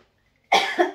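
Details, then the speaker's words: A single sharp, brief cough after near silence, from the cook while preparing lentils with chorizo, who remarks on coughing. "Ay, nauubo ako. Teka lang, nasambit ako. So, ayun na nga. Namula ako dahil nag-ubo ako."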